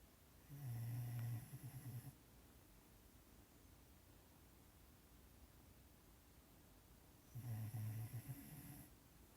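Two low, fluttering snores about seven seconds apart, with quiet room noise between; a sleeping dog snoring.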